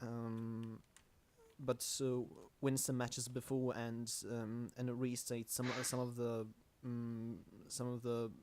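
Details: Stuttering in a male podcast host who calls himself the stammering host.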